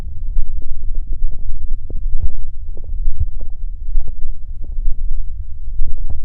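Low irregular gurgling and rumbling from the belly; ordinary stomach growling, a normal bowel sound.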